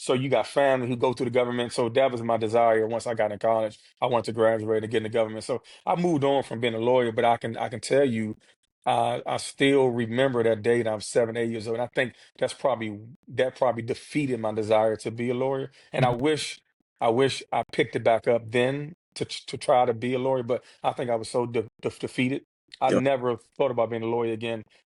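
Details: Stuttering in an adult man who has stuttered since childhood, speaking in a real podcast interview with repetitions of sounds, words and phrases.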